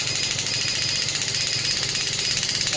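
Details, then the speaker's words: Pneumatic clinical shockwave therapy device (0.5–12 bar) sitting on a table: rapid, regular rattling bursts of sharp hissing clicks, like a small jackhammer; shockwave device firing. "मैं energy increase करूँगा। Machine table पे है इसलिए थोड़ा vibrate करेगी ज़्यादा intensity में।"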